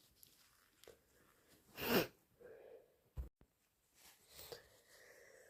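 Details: Induced allergic sneezing: one loud sneeze with sniffs and a nose blow around it.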